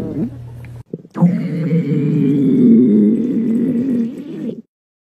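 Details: Adult woman's stomach growling: a short low gurgle, then a long drawn-out rumbling growl with wavering pitch lasting several seconds, borborygmi.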